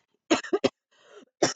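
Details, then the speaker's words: Adult with COVID-19 confirmed by nasal and throat swab, sick over a month, using an albuterol inhaler, with shortness of breath; cough began dry, now non-stop: three short harsh cough bursts, a breathy inhalation, then one more cough. "the cough was like like this but like non-stop to the point where I had a hard time catching my breath"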